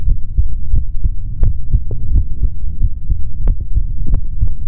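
Regular low thudding heartbeat through a stethoscope with a steady muffled rhythm; normal heart sounds.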